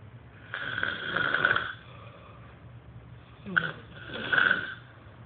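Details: Man snoring at night, recorded for his snoring problem: two loud, harsh snoring breaths, with a snort at the start of the second, over low room noise.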